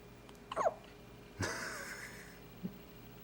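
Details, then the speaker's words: 6-day-old baby boy (newborn) with hiccups: a couple of abrupt, soft gulping catches, one with a brief trailing sound, in a quiet room. "Hiccup. Oh, buddy. You got the hiccups. Oh, no. Poor guy."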